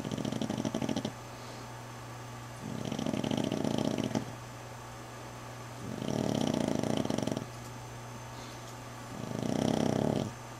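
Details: Slow, steady rumbling snores about every three seconds over a low hum from a sleeping dog healing from fight wounds with drains in her arm; she has snored worse; snoring.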